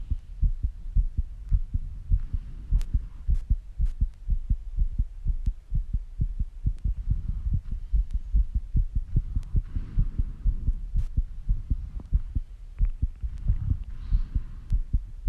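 Fast, regular low thumps, roughly two to three beats a second, with faint breathing noise; a rapid heartbeat after exertion.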